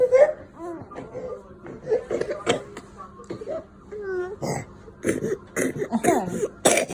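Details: A 10-month-old infant babbles and vocalizes, then gives several short, sharp deliberate cough bursts as a reaction to being told "no", not an illness cough.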